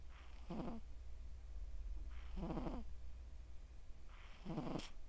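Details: Sleeping male Scottish Straight cat, born July 2020, snoring loudly: rhythmic rattling snores, about three breaths in five seconds, over a steady low hum.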